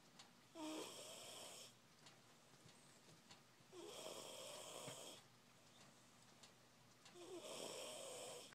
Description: My child is going to town in her sleep right now with this snoring, sounding like a grown man